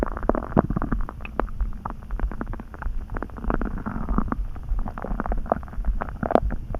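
Continuous low gurgling and rumbling with bubbly pops throughout. Stomach rumbling from gas and fluid moving through the gut.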